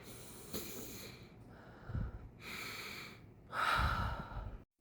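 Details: Nasal breathing at "level one" of a nasal breathing device, demonstrated by someone who struggles with a nose caving in or a deviated septum: forceful sniffs and snorts, several airy nasal breaths, the last loud and hissing.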